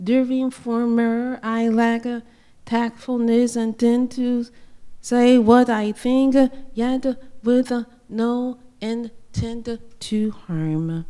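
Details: Self-described acquired speech disorder: voice shifting from very juvenile to broken, speech blanking, trouble with verb agreement, articles and prepositions, sometimes sounding Jamaican or Latino, with stuttering; reasoning and understanding intact. Acquired speech disorder with stuttering and foreign-accent-like speech.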